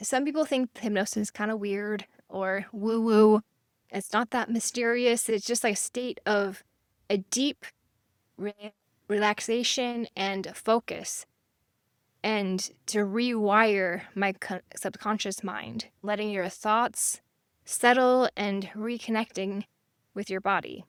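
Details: Aphasia after stroke in a female survivor living with it since 1999 (over 25 years), using hypnosis and meditation; she can sometimes spell words she cannot pronounce; aphasia.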